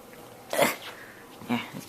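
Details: Dog sneezing during nose-grabbing play: two short, breathy nasal bursts, a brief playful sneeze.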